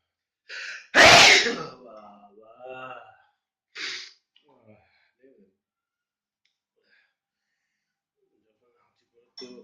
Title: Funny Video with Sneezing Problem